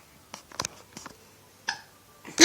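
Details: Several short, abrupt breathy catches in quick succession, typical of a child's hiccups.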